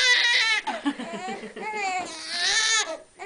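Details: Newborn girl's cry: high-pitched, rhythmic wailing in repeated bursts with brief catches, in a small room; mother mentions breastfeeding and bottle.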